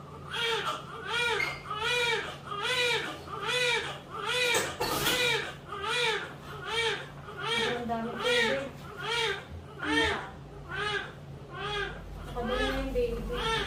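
Rhythmic, strong, high-pitched crying at about 17 cries in 14 seconds. A vigorous newborn cry right after a normal birth.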